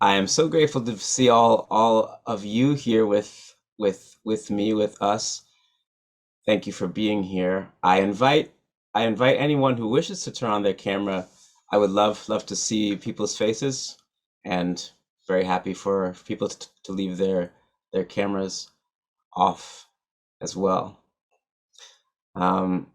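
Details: Adult man who stutters, real, speaking at a stuttering association conference; stuttering.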